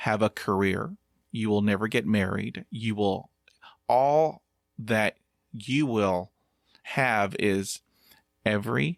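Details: Stuttering in a 50-year-old man who practises meditation and breathing; audible part-word repetitions; stuttering.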